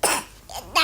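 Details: Child's three short, dry coughs in quick succession; the parent suspects the cough is faked to avoid school; cough.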